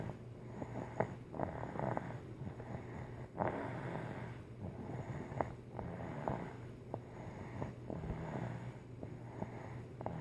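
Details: Pet snoring in sleep the day after her vaccinations: soft, low, rhythmic rumbling breaths with faint nasal snorts over a steady room hum.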